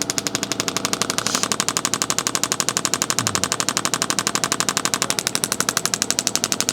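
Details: Rapid, sharp, regular clacking pulses about four per second as radial shockwave therapy is applied to the deltoid for shoulder pain.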